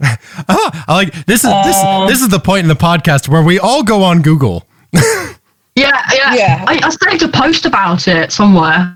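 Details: Man with Tourette syndrome whose vocal tics include palilalia (repeating words or syllables), which has increased over the past couple of years, plus echolalia and squeaking; finding: vocal tics with palilalia (Tourette syndrome).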